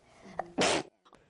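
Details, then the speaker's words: 12-year-old girl with unexplained intractable sneezing for two weeks, about a dozen sneezes a minute and thousands a day, cause undiagnosed (dog or grass questioned): a single abrupt, forceful sneeze after a short in-breath. "you see has a rather bad case of the atus a volcano of sneezing numbering get this thousands of eruptions a day I can't stop sneezing"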